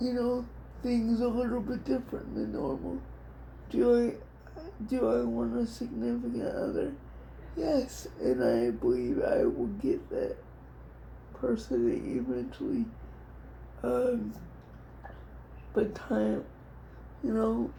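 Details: Adult woman with cerebral palsy diagnosed at 6 months, she thinks level 4 or 5, affecting all parts of her body including speech somewhat and hands, plus dystonia; dysarthria in cerebral palsy.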